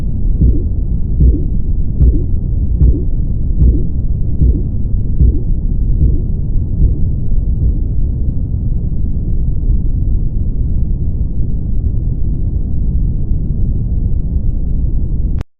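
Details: Regular soft low thumps at about 75 per minute fading into steady rumbling noise after several seconds, during blood pressure measurement; Korotkoff sounds, described in four phases.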